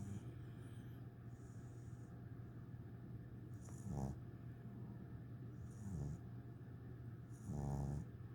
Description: First day home, and he is snoring next to his teddy bear already! English bulldog 8 weeks old!